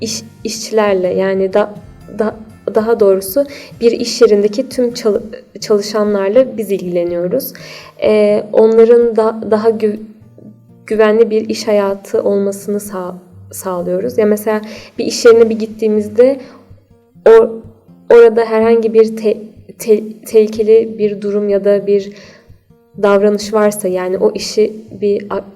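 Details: Stuttering in a 28-year-old adult.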